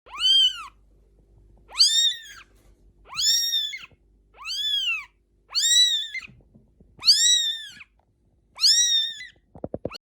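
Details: Newborn kitten crying: seven high, thin arching mews repeating about every one and a half seconds.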